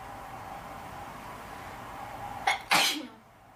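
Quiet hiss, then a short catch of breath and one sharp, explosive sneeze.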